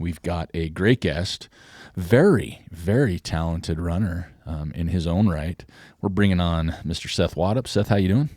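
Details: Adult male speaker; normal speech.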